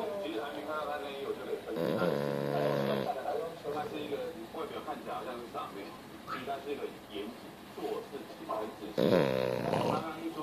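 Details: Sleeping French Bulldog, woken and going back to sleep after a forehead rub: two loud, rattling snore bursts about seven seconds apart, with quieter murmuring and room sounds between; snoring.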